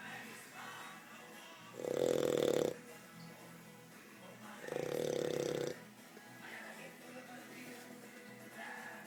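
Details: 4-month-old Old English Bulldog puppy snoring in his sleep at home: two loud, rough, drawn-out snoring breaths about three seconds apart.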